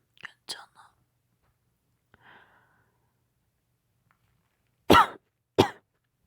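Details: Acted scene of a woman who caught a cold nursing her boyfriend: quiet whispered sounds, then two sharp, severe-sounding coughs; cough.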